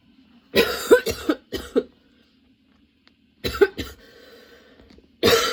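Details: Person with a sudden, very long coughing fit that brought tears and kept worsening while they changed positions to get comfortable: repeated harsh coughs in rapid clusters, about eleven in all with short pauses.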